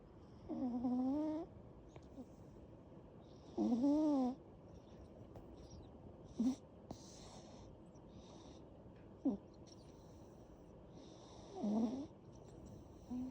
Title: Sweet snoring cat